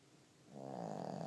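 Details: Single soft, rumbling snore building over about a second from a small pet pig while sleeping.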